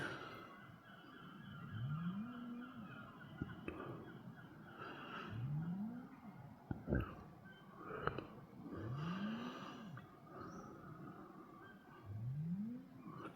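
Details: A man sleeping outdoors in a winter camp at minus 3 degrees, around midnight, gives loud rumbling snores about every 3.5 seconds, roughly 17 a minute, over wind and outdoor noise. Heavy snoring described as like a tractor.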